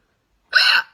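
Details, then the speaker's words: Woman with aggressive hiccups lasting about 6–10 minutes, possibly from inhaling a small lemon cake; a single sharp, voiced gulping hiccup after silence, which she likens to a squealing pig; hiccup. "so i can usually get rid of them but this one's a car these are like really aggressive hiccups oh what even our hiccups weird aren't they"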